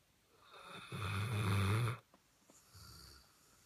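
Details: Snoring during sleep: one loud, deep, rattling snore on the in-breath, then a quieter breath out.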